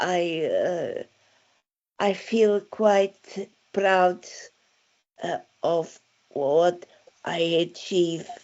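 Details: Aphasia following a stroke in December 2016, with word-finding difficulty.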